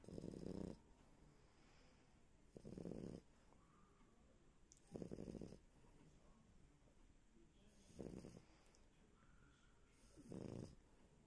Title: Dog snoring/french bulldog